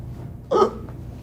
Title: Oh No, The Hiccups are back